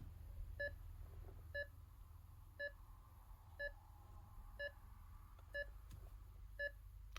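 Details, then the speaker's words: Philips IntelliVue MX400 patient monitor pulse tone: regular short beeps about 60 per minute, one per heartbeat, pitch tracking pulse-oximetry oxygen saturation with QRS volume on; faint room hum. "the pitch of that beep actually corresponds to the oxygen saturation. So if you have both your ECG going and your pulse oximetry going, you can both hear the heart rate and the percentage oxygen."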